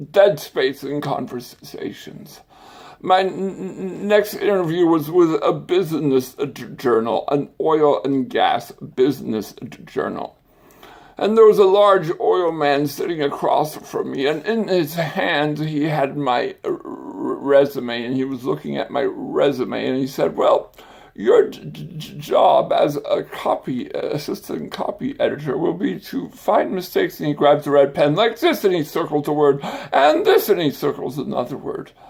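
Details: Adult man with stuttering and a speech impediment, acquired after brain surgery with complications the previous summer.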